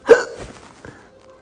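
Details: Girl hiccuping while talking: a single sharp, abrupt voiced hiccup, then a faint softer catch, in a quiet room; hiccups.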